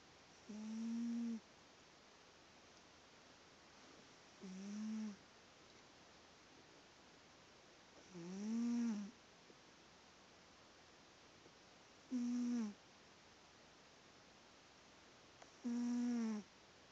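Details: Sleeping cat snoring: short, tonal, whistling snores at regular intervals, about 16 a minute, in a quiet room.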